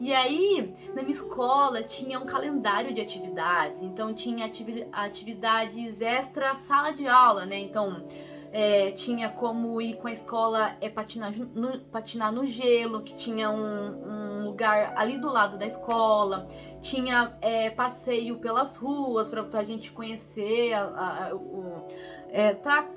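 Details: Adult woman who stutters, speaking Portuguese; stuttering.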